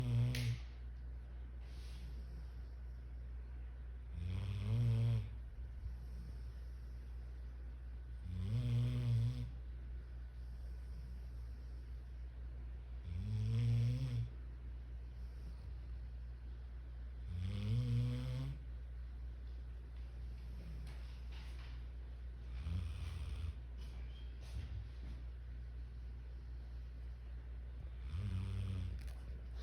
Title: Who’s snoring?